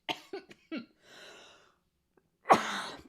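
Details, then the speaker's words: An adult woman choking on popcorn kernels while eating gives a run of four short, harsh coughs, a rasping breath in, then one strong cough: a choking cough. "oh sorry I'm eating popcorn and I'm choking on the kernels"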